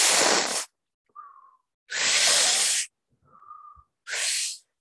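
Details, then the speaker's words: Imitated sound of a sucking chest wound in open pneumothorax: loud hissing air rushes alternating with faint whistles. "Oke sedangkan kalau pneumothorak terbuka saking kesson kurang lebih bunyinya seperti ini ya"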